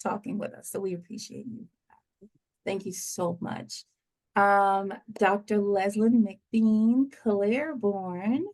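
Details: Adult speaker; normal voice.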